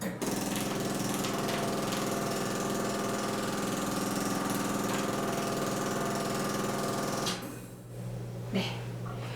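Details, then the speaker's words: Storz VF vibration head of a combined shockwave system (with focused and MP200 radial units) running for cellulite and swelling treatment: loud, steady buzzing hammer at about 200 pulses a minute, stopping after seven seconds. "먼저 이 바이브레이션 진동 기능을 탑재하고 있는 VF를 보여드리면 소리가 좀 납니다."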